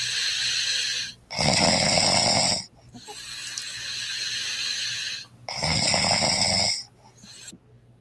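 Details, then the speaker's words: Wife snoring on her wedding night, recorded by her husband: loud, harsh, hissing snores alternating with quieter breaths. "this one's hold on this is this guy said my wife's snoring on her wedding night let's hear this"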